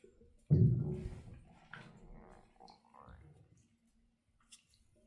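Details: Empty stomach after only coffee in the morning, lying in the bath, recorded without a microphone: low gurgling rumble with a few bubbling sounds, normal hunger stomach growling (borborygmi).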